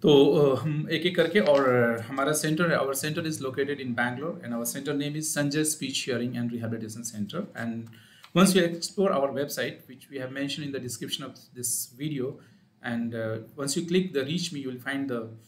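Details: Adult male speaker; Normal speech.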